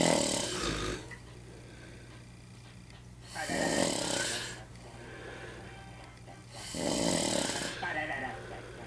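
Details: Loud, harsh snores about every 3 seconds over a steady hum and faint background talk, from a person with sleep apnea.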